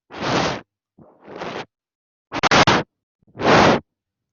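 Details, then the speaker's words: Vocal imitation by a semiology teacher of the murmur of valvular insufficiency (regurgitation), higher-pitched than a stenosis murmur: repeated hissing whooshes varying in loudness; regurgitant heart murmur, imitation. "En cambio acá, el soplo que ustedes van a encontrar en las insuficiencias es algo más agudo, va a ser esto."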